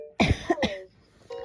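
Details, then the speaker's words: Cough and breathing of a young boy with bronchitis and RSV after a three-week cough that worsened, just home from hospital A&E. "yeah I don't know if you can hear it but he's breathing and his [Music] cough"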